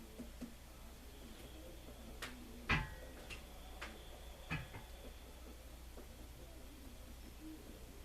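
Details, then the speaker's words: About six soft, brief percussion taps over all four abdominal quadrants, part of a demonstrated normal abdominal examination after auscultation. "okay and moving on to percussion I'm going to percuss on all four"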